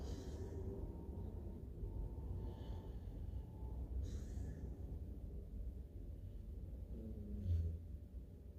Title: It's not that loud #snore #sleep #dog #chowchow #shorts